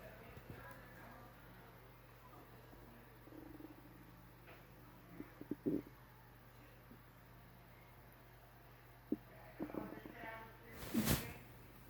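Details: Adult's stomach rumbling after a breakfast of pancake, Rice Krispies cereal, orange juice and milk: soft low gurgles and a louder rumble near the end, recorded through a shirt; borborygmi.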